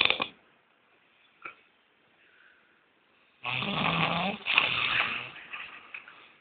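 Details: A loud, harsh, rattling snore with quieter breathing noises before it; muffled, low-quality phone recording; claimed as extreme snoring.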